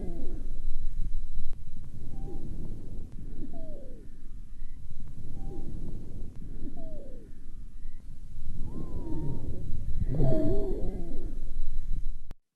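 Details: Expiratory wheezes.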